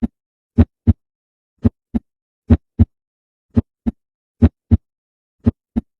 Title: ruidos cardiacos